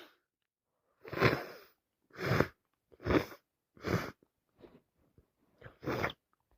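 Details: Sneezing: an adult at work with a worsening cold, in the staff room, gives five wet, explosive sneezes about one second apart with short sniffs between, plus nose blowing.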